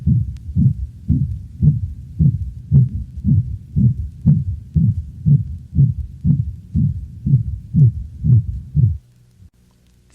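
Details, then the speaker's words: Dog, auscultated at the left caudal sternal border: rapid regular heartbeat with loud, blowing, mixed-frequency murmur beginning early in systole and filling each beat; mitral insufficiency (regurgitation). "sound just played represents the mixed frequency murmur of mitral insufficiency that is auscultated at the left chordal sternal border the murmur which begins early in systole increases in duration as the condition progresses"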